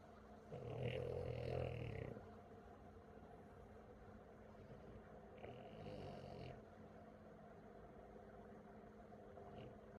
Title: Snoring pug 😂#shorts #pug #puglovers